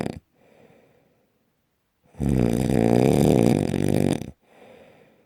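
One long, loud, rattling snore on an in-breath, between quieter breathing sounds. Heavy snoring.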